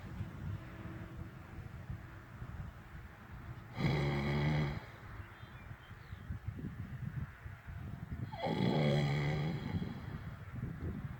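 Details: Ordinary snoring: two loud, rough snoring breaths about four seconds apart with low rumbling between, from a sleeper who may be faking sleep to avoid work.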